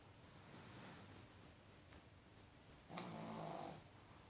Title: Fredzio the snoring pug